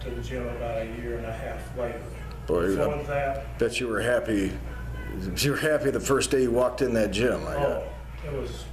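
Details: Adult male speaker; no speech disorder.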